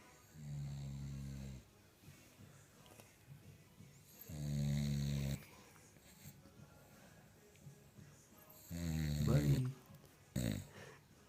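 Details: Sleepy English Bulldog: deep, rumbling snores on each in-breath, roughly every four seconds, with a snort near the end; snoring.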